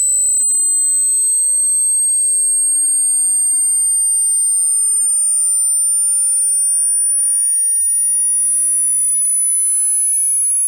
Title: HEARING TEST: - Test Your Hearing Free